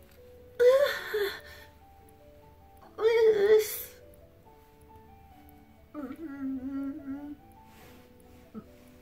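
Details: Noisy, strained gasps and a drawn-out moan with pauses, over background music, from an adult woman during a severe late-night dystonia attack (possible non-epileptic seizure) where she can't breathe; about the tenth of several within 30 minutes.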